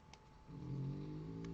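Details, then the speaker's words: A very tired dog sleeping with a low, steady, rumbling snore that rises after a quiet start and holds to the end: snoring. "Donc du coup, c'est pour ça que vous l'entendez ronfler."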